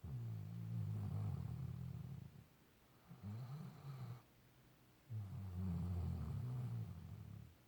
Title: Fenway snoring 2.17.17